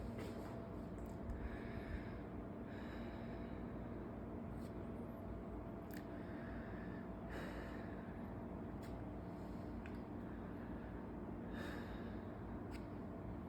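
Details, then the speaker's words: Indirect lung auscultation with the stethoscope diaphragm, anterior chest starting at the trachea: patient takes slow, deep breaths through a half-open mouth on cue, soft airy inhalations and exhalations; normal breath sounds. "então vamos lá lembrando sempre que eu tocar você vai puxar lá e soltar Ok"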